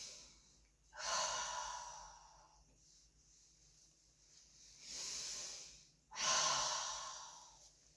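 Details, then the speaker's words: Two slow, deep breaths, each a long airy inhale and exhale, taken on request while a nursing student auscultates 10 back sites during a head-to-toe assessment of a patient born 1933; normal bronchovesicular sounds, no wheeze, stridor or crackles. "Now I'm gonna auscultate her lung sounds on 10 different spots on the back. So when I tell you, take a deep breath, okay?"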